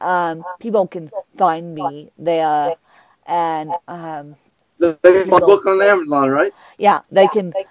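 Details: Adult man with cerebral palsy who describes himself as having a speech impediment, judged by his guest as more impaired than her own; dysarthria in cerebral palsy.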